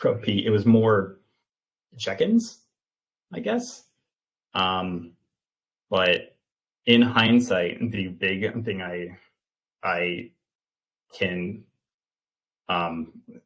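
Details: 28-year-old man with stuttering, an open stutterer who had speech therapy from elementary school through high school, speaking in an interview; stuttering.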